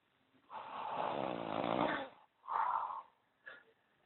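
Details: Sleeping man: a long, rough, rattling snore on breathing in, then a shorter snort and a brief snuffle; loud snoring.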